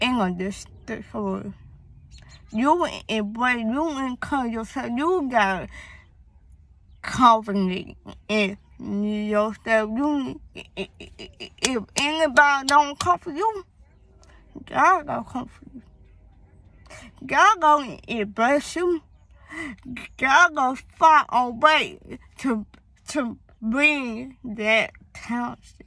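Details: Young female with a speech impediment that began around third grade, with a hearing problem (deafness); she was born premature, had school speech therapy, and doctors found no cause.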